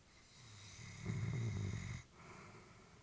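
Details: A single low, rattling snore with soft breathing around it, from an elderly Labrador sleeping peacefully.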